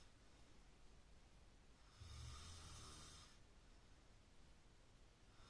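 One low, rumbling snore lasting just over a second, rising out of steady background hiss; snoring.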